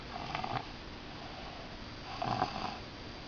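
Two soft, buzzing, rattly breath sounds about two seconds apart over quiet room noise, fitting gentle snoring.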